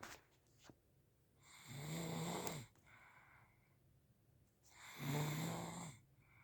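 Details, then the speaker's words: Man snoring at night while someone nearby tries to sleep: slow, rough snores about three seconds apart with a low vibrating rasp. "He actually snores at night. Here is proof. I'm trying to sleep and he makes noise."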